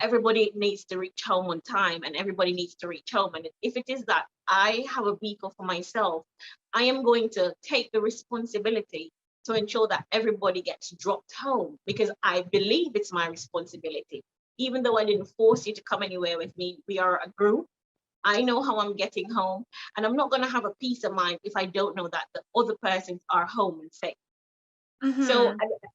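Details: Foreign accent syndrome in a Jamaican woman after a major car accident with head trauma causing a stroke and brain swelling between motor and language areas; accent shifted from American to Trinidadian to British, which persisted; neurologist attributes it to brain damage, considered unfixable; memory loss also reported.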